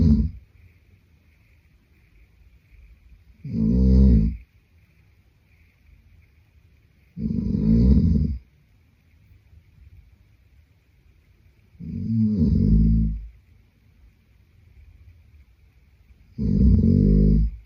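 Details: Adult man snoring in sleep: five deep, rattling snores at regular intervals, about 15 breaths a minute, with quiet pauses between them.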